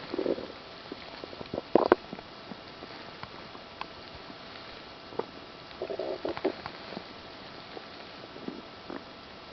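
Intermittent gurgling and rumbling bursts over steady background hiss; ordinary stomach rumbling.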